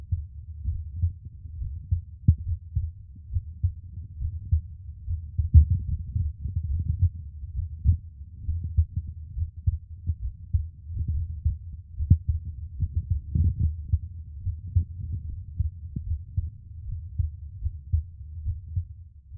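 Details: Adult's own heartbeat recorded for ASMR sleep relaxation: soft, steady low thumps in a regular rhythm with no added sounds; normal heartbeat.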